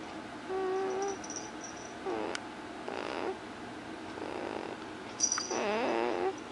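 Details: Repeated soft snoring breaths with squeaky, whistling nasal tones about every second, from a sleeping small animal; snoring.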